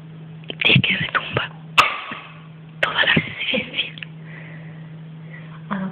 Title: record of sneezing 2